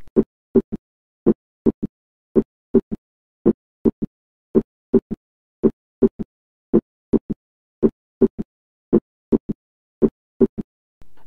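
A slow, regular heartbeat at about 55 beats a minute. Each beat has a low, dull extra sound coming just after the second heart sound, giving a three-part gallop rhythm. This is a third heart sound, made in early filling of the ventricle, and here it is abnormal.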